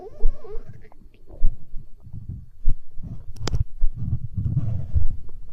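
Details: Stomach growling (borborygmi), hunger sounds from an ASMR recording: deep rumbling, gurgling abdominal noises in irregular waves.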